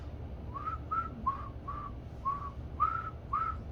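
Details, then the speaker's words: Adult male physician with Bell's palsy (facial nerve palsy), one month and one day after onset, attempting to whistle: short, faint, breathy, unsteady, poorly sustained notes showing weak lip control. "um whistling maybe a little bit"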